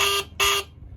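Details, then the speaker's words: Two loud, high-pitched electronic beeps in quick succession from a HawkMed HK-400III syringe pump after its speaker was replaced, showing the alarm now sounds normally; it had previously failed to alarm, e.g. when the syringe emptied. "अब हमने इसके अंदर speaker fit कर दिया, तो अभी ये alarm भी करेगा, सारी साउंड्स भी देगा जो कि इसको देनी चाहिए।"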